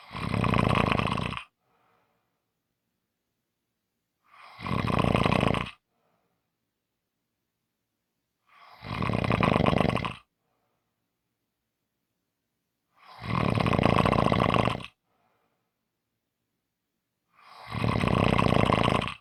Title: Short snoring Audio